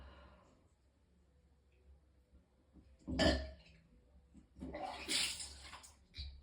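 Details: Person retching and vomiting several times from extreme pain, with coughing: a quiet stretch, then harsh throaty heaves with wet gurgling and splashing.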